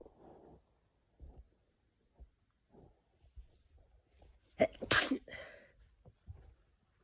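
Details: A single sneeze at the start of a cold: soft sniffing breaths, then a sharp burst sneeze with a short trailing vocal sound.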